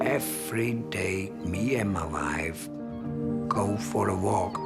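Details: Laryngectomy patient speaking hands-free with a Provox voice prosthesis; tracheoesophageal (voice prosthesis) speech after laryngectomy.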